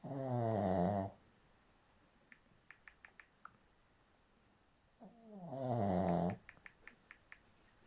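Two loud, deep, rattling snores about five seconds apart, each followed by quiet with faint clicking sounds between them.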